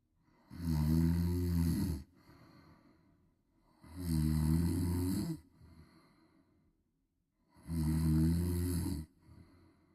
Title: Snoring Baby Viral video😴 #snoring #snoringsounds #snoringasmr #snoringtreatment #viralreels #funny